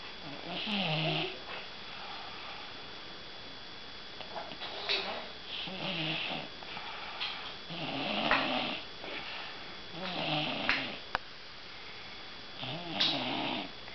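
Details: Irregular rough snoring noises with breathy sounds between them in a quiet room; ordinary snoring.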